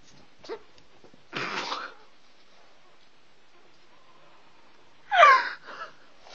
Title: Yoranian puppies sneezing